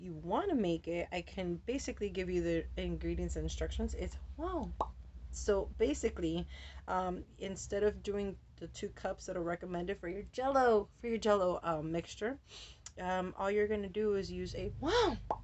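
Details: Adult woman with Tourette syndrome whose vocal tics, interjections ("wow", "whoa") and repeated words, interrupt her speech; she says her tics have been very active since a change of medication; vocal tics (Tourette syndrome).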